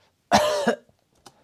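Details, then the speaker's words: A faint cough picked up in the left channel of a vocal recording between singing, alongside chair scratching: background cough. "oh I think someone coughed here can you hear it oh that's amazing man"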